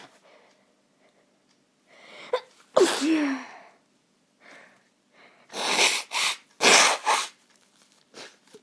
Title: I caught a cold and now I sneeze. I got sick((